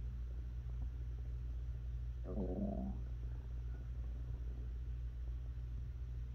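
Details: Low continuous abdominal rumbling with one brief rising, squeaky gurgle from an adult woman's hungry stomach; ordinary hunger-related bowel sounds (borborygmi).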